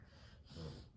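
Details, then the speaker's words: Reverse sneezing in a dog, heard in the background during speech: a brief, harsh snorting inhalation. "So, you know, there's a few things that oh my gosh. Can you hear my dog reverse sneezing?"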